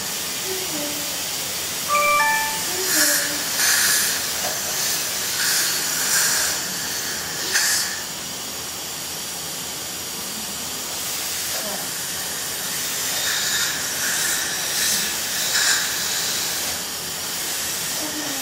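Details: Dental cleaning of a 5-year-old girl at a follow-up visit after a cavity filling, before fluoride application; steady hissing with bursts of spray and suction and a few faint tones behind from the dental instruments.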